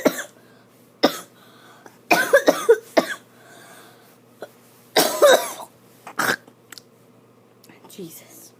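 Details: Repeated short, harsh coughs with throat clearing, coming in bursts separated by brief pauses, from someone up past midnight on a school night who can't stop coughing.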